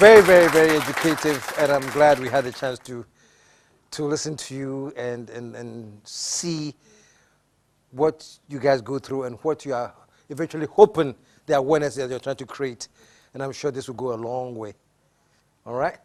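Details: Adult male speaker; fluent speech.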